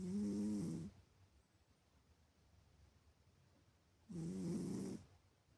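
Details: Cat still asleep in the morning, snoring: two low buzzing snores about three seconds apart with quiet pauses between, likened to a human snoring.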